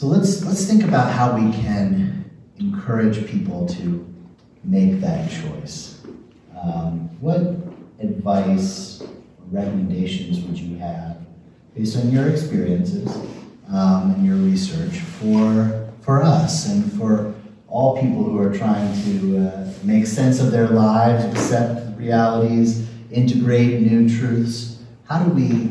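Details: Adult male speaker; Normal speech.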